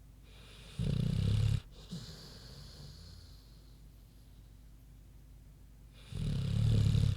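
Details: Big pig named Queenie asleep: deep grunting snores about five seconds apart with quiet breathing between them; ordinary snoring.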